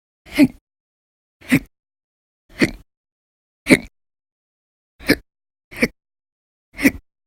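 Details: Seven sharp, loud hiccups about a second apart, from a person logging persistent violent hiccup episodes lasting up to hours at a time, sometimes after naps, across November 2019; persistent hiccups.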